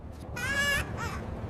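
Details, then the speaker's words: Simulated baby cry in a scripted English-learning story on a bus: brief high-pitched wailing cry and a short second cry over low room noise; infant cry. "A baby is crying somewhere on this bus. I hear it too. That sounds serious."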